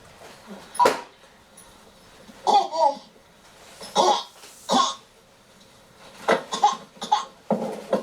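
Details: Repeated short, harsh coughs, singly and in small clusters of two or three, separated by quiet pauses; a recurrent cough.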